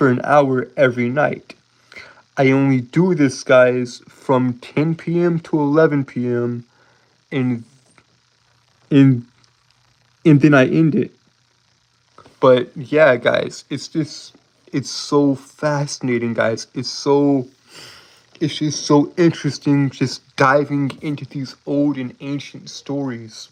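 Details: Adult man with a self-reported speech impediment that he says makes him stutter and trip over his words; stuttering.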